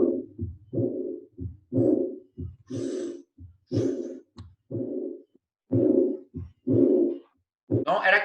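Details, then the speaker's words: Aortic regurgitation teaching audio: regular heartbeat near 60 a minute with a blowing, aspirative diastolic murmur, loudest at the start of diastole and then decreasing in intensity. "um sopro diastólico aspirante lembra dele é o sopro aspirativo da diástole é aquele sobre forte vem no começo ali né e que ele ia diminuindo a sua intensidade"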